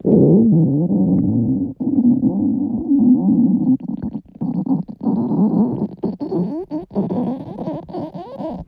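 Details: Loud stomach growling (borborygmi) from girls' bellies, described as stomachs at their limit.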